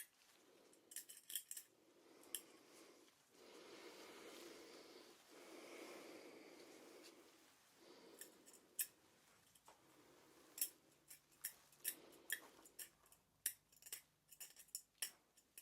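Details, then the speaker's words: Simulated ASMR dental cleaning role-play for a nervous patient needing scale removal after a checkup: sharp metallic clicks and scrapes with soft breath-like rushing between them, imitating hand scaling of an area with heavy buildup. "this is one of the areas where there's quite a bit of buildup so you will hear some scraping and picking sounds"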